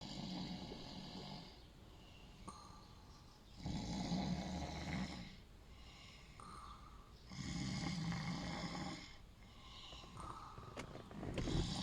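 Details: Loud, low, rattling snores on each in-breath, about 16 a minute, with quiet exhalations between, in a sleeping man: snoring.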